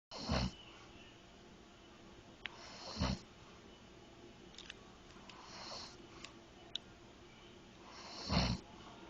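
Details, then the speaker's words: A husband snoring while asleep: three short, rough snorts spaced a few seconds apart in a quiet room; intermittent snoring. "baby you're snoring you're so cute"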